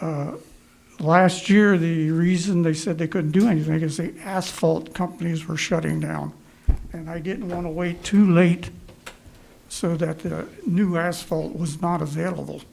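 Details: Adult male speaker; Normal speech.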